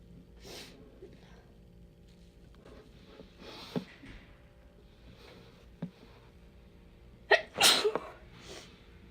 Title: sneezing sneezing